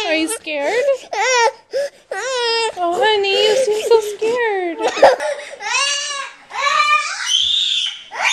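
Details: Loud, distressed crying and wailing from a young child with rising and falling sobs and whimpers; the child seems unwell and scared, and the mother asks if the tummy hurts and believes the child has GI problems.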